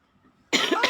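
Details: Single loud, harsh cough bursting out after near silence from an adult with a hoarse voice who has had a cough and flu for a week, recorded while playing a mobile game.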